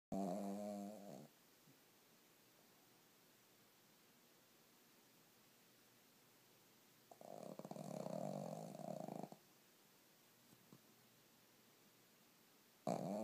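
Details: Sleeping dog snoring: rough, rattling inward breaths about every six seconds, with quiet pauses between.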